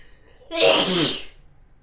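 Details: One loud, voiced sneeze with a sharp hissing burst in a quiet room; an ordinary single sneeze.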